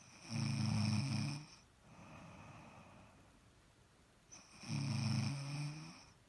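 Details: Loud snoring during sleep.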